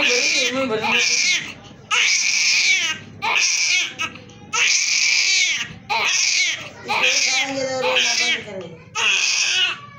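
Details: Strong, high-pitched rhythmic crying in repeated long wails with short breaths between, about 23 cries a minute, from a newborn immediately after birth; a vigorous newborn cry.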